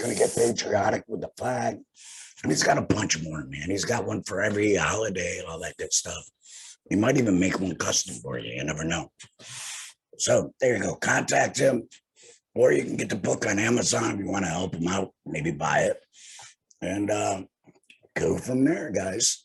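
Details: Male laryngectomee after laryngectomy for head and neck cancer, speaking with a tracheoesophageal voice prosthesis (TEP); long talking causes phlegm; tracheoesophageal speech after laryngectomy.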